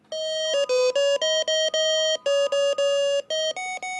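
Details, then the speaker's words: Hospital bed-exit alarm, a loud electronic beeping tune playing 'Mary Had a Little Lamb', sounding when a high-risk patient (e.g. on sleeping pills) gets up; designed to be distinctive and rise above other unit noises. "we wanted something very distinctive so you knew exactly what was going on and you get there very quickly it rises above the level of all the other noises in a unit this is the alarm"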